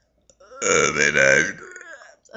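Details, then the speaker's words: Voluntary burping by someone who can burp words and sentences: one long, loud, voiced burp of about a second, ending in a brief rumble. "um yeah that's me burping I can burp sentences if you want want me to like see"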